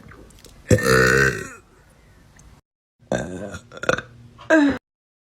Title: Random tik tok girls burp compilation & Best Moments PT.5